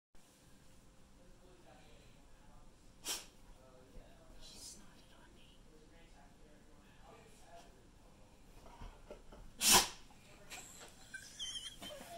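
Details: Sneeze from a dog chasing the sun's reflection off a phone: two sharp, snorting sneezes, the second much louder, in a quiet room with faint background noise.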